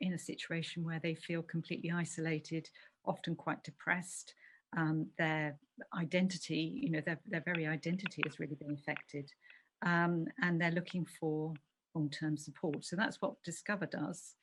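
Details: Adult speaker; normal speech.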